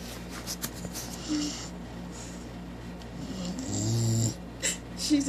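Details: 4-month-old Cane Corso puppy lying asleep on the floor, snoring: low, rhythmic snores with brief whimpering and snuffling noises, room sounds in the background.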